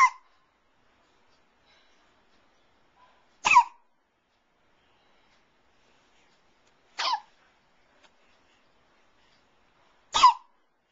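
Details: 3.5-month-old baby girl with hiccups: four brief, sharp, squeaky gulps roughly every three and a half seconds, about 17 a minute, in a quiet room.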